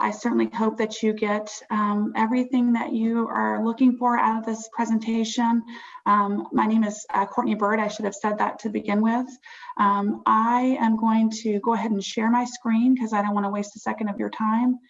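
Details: Adult woman speaking; ordinary speech.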